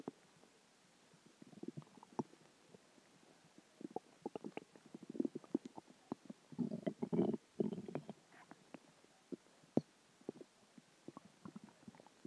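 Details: Gurgling, bubbling stomach growls with a louder rumbling stretch midway from a combination of dinner, water, and gas moving through the gut; borborygmi.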